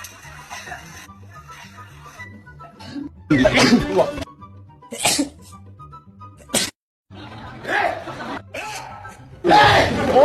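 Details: Several loud, abrupt sneezes from different people, separated by quieter talk and music in the background; sneezing.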